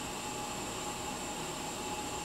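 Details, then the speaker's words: Covidien Puritan Bennett 980 mechanical ventilator during its pre-use short self-test (SST), humidifier bypassed: steady rushing hiss of gas flow as it finishes the oxygen test and begins testing the air system; normal device sound. "So it just finished testing the oxygen, now it's going to test the air system of the ventilator."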